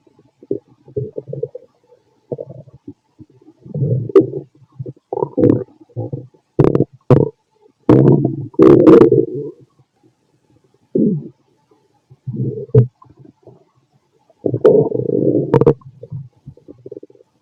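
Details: A fit adult male's stomach after lunch and a carton of milk, possibly recorded with a stethoscope: irregular bursts of low gurgles and rumbles with brief squeaks and pops, active normal bowel sounds.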